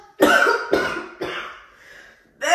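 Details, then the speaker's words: Acted cough from an adult woman faking sickness as a prank on her boyfriend: three forced coughs in quick succession, the last fading out, then speech. "I am doing a prank on Deezy, acting like I am so sick."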